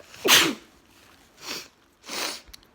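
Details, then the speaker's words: A girl with a new nose piercing that feels funny, who cannot stop sneezing: three sneezes in quick succession, the first loudest with a voiced burst, the next two breathier and softer. "100 my god I can't stop sneezing I sneezed like seven times when I was in my downstairs"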